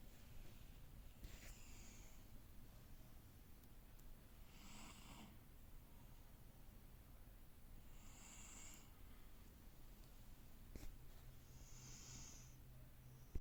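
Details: Cat napping in the afternoon: soft, regular nasal snorts and snores, about four cycles over thirteen seconds, with low room hum; snoring.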